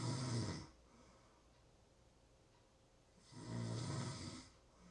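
Two loud, harsh breathing sounds a few seconds apart with quiet pauses between; snoring during sleep.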